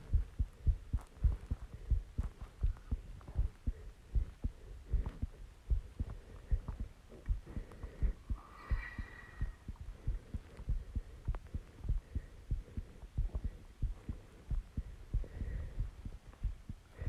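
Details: Heartbeat recorded after doing exercises and calming down; fast, muffled low thumps roughly two a second with rustling and faint background noise; quickened heartbeat after exertion.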